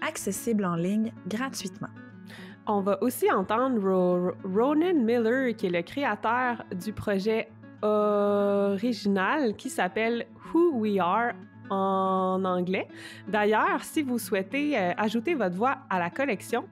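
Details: Adult female speech-language pathologist who stutters, speaking French; stuttering.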